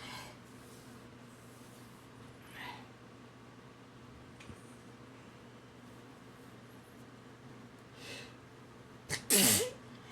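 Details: Person sneezing right after waking up, happens every day; quiet room with faint breaths, then one loud, sharp sneeze: sneezing.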